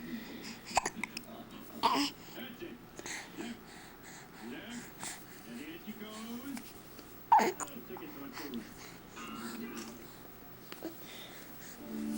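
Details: Young child climbing on his father while hiccuping: a few sharp, sudden hiccup catches, irregularly spaced, over adult talk and soft background music.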